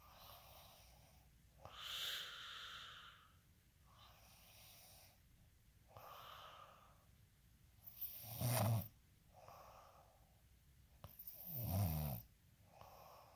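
Soft breathing cycles with two louder rattling snores, about 18 breaths a minute; ordinary snoring.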